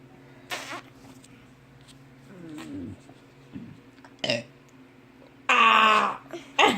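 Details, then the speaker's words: Small throaty sounds from a child, then a loud burp near the end, with a faint background hum; ordinary burping. "oh that is amazing okay nobody's ever seen a kid burp like this kid has like some kind of talent"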